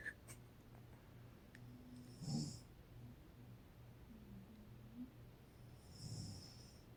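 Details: Adult woman (mother) snoring during sleep: soft, low rumbling snore with whistling, squeaky tones on the breaths.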